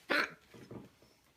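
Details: Hiccup in a female after oral surgery that went into the jaw bone, with jaw bruising expected and swollen lips: a single sharp, abrupt vocal catch followed by faint breathy sounds.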